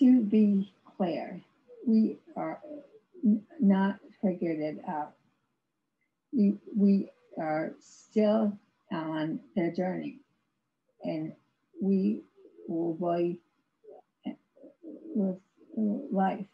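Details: Aphasia in an adult woman after a severe stroke in 2010, about 11 years earlier; she had no speech for three years and has ongoing speech difficulty, described as severe aphasia.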